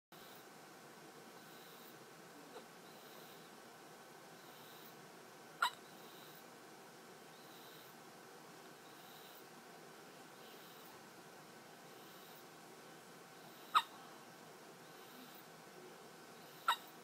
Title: Baby Hiccups